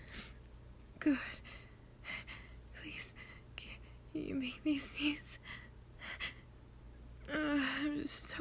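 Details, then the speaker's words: Simulated, requested roleplay of a sneeze stuck all day: soft whispered voice broken by sharp inward gasps, like catching breaths before a sneeze that does not come. "My sneeze has been stuck all day."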